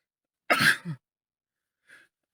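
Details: Adult man with a cold that is improving, sitting in a car, in a sneezing fit: a single sharp, explosive, less wet sneeze with a short trailing sound, then a faint sniff.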